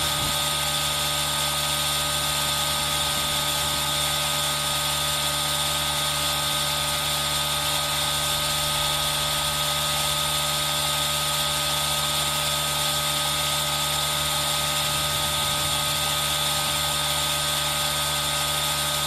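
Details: Aerosol nebulizer running: steady mechanical hiss, hum and constant whine, mixed with added rain sound; relaxation ASMR recording made with a Zoom H1n recorder.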